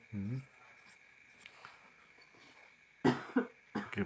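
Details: Short cough bursts from an elderly woman with a cold (masuk angin) in a quiet room, recorded during kerokan back-scraping treatment.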